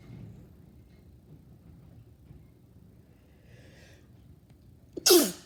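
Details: Sneezing: quiet room, then one sharp, explosive sneeze near the end.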